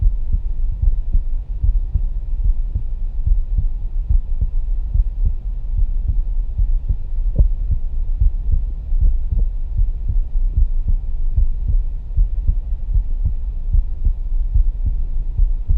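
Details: Muffled, rumbling stethoscope recording with low heart thumps, about 74 a minute, during a live demonstration listening over the pulmonary and tricuspid areas, where lub-dub was noted to be clearer: normal heart sounds.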